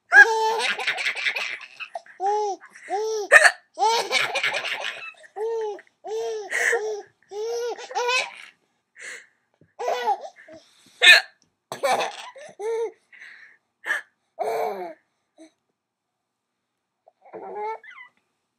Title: Hiccups are funny!